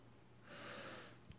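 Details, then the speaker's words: Adult woman with long-standing asthma during an asthma attack: one harsh, noisy breath with a rushing hiss, which she describes as really shallow and deep; laboured breathing. "hi everyone it's me this is what it's like to have an asthma attack if you can hear my breathing it's really shallow and deep because I've had asthma for so long"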